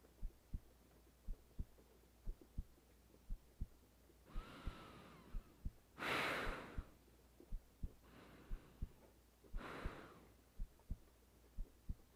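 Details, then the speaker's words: Normal resting heartbeat of a woman lying in bed, recorded for a sleep audio: soft, regular paired thumps at about 60 beats a minute, with rain and a few breaths in the background. "You get to feel my heartbeat all night. I want to feel yours for a little."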